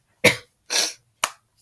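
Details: Three short, harsh coughs, the first with a honking, moose-like tone, from a sick teenager with a sore throat and congestion.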